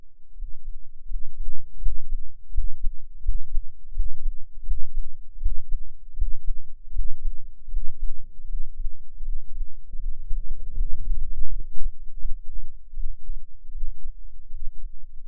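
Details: Normal adult heartbeat at about 78 bpm recorded with an experimental microphone enclosure and tube, dominant frequency about 10 Hz: deep, soft low thumps; recording includes a breath-hold.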